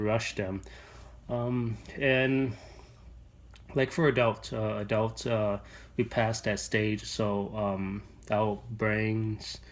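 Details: Adult man, a registered nurse, who has stuttered since he was little; real speech; finding: stuttering.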